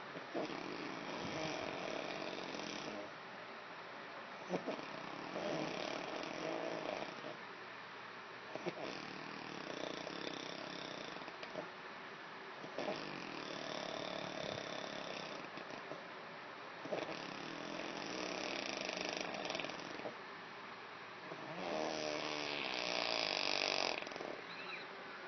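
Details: Repeated raspy, fluttering breath noises in a steady sleep rhythm: snoring.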